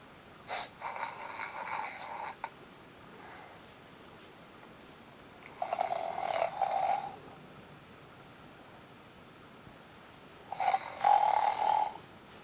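Three rough, fluttering snores roughly every five seconds, about twelve breaths a minute, with quiet pauses between.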